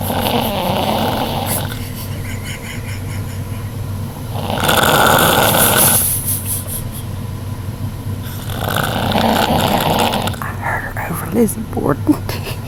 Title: Snoring Niece